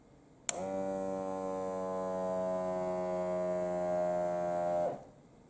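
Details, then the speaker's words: A steady motor buzz of a cuff pump for about four seconds, then stopping: a HYLOGY digital automatic upper-arm blood pressure monitor inflating during a home self-measurement reading. "we're gonna turn this off turn this on now it should pump up"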